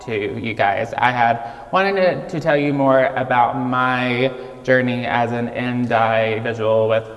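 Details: Childhood apraxia of speech in a 26-year-old man, diagnosed at age 5, nonspeaking until age 5, treated with speech therapy five times a week.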